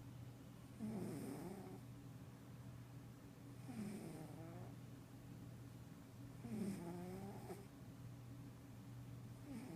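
Soft, rhythmic snoring from a sleeping cat, about three breaths in ten seconds, over a steady low room hum.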